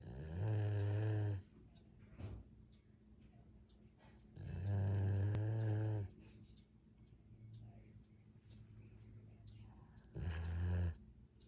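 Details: Male and female dogs snoring: deep, low, buzzing snores lasting one to two seconds, about 13 a minute, with quiet breathing between; snoring.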